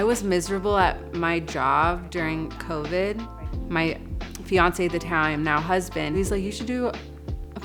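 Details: Adult woman with stuttering since childhood, which she says returned with a stressful job; real developmental stuttering.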